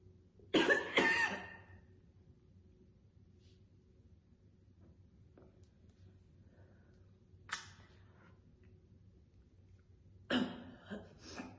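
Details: Real, intense chain-smoking session: a woman smokes 2 cigarettes in a row, holding them in her mouth mostly hands-free. Harsh, heavy coughing bouts with throat clearing and quiet pauses. Smoker's cough, with occasional spitting.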